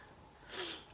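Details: After a quiet moment while an adult talks about spinning yarn, a single brief, hissy nasal burst: a stifled sneeze or sharp sniff.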